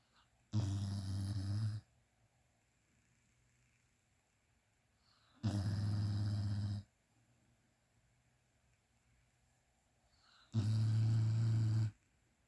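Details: Sleeping dog (hound) snoring in a quiet room: three deep, rattling snores about five seconds apart, roughly 12 a minute.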